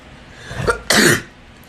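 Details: Person trying to sneeze with eyes open: a rising, catching in-breath followed by one sudden explosive sneeze.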